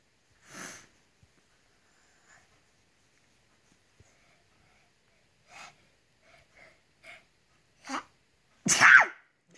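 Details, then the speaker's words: A child with fatigue ("sleepy") sneezing, which comes whenever he is tired, sneezes repeatedly just after waking in the morning, with short breathy bursts building to a loud final sneeze: a sneezing fit. "has what's called fatigue sneezing. We call it sleepy sneezes. And basically, anytime he gets tired, he sneezes."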